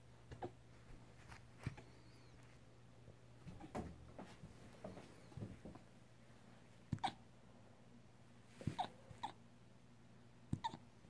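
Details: Siberian husky puppy with hiccups: soft, abrupt little clicks and puffs repeating at uneven intervals over a quiet room hum.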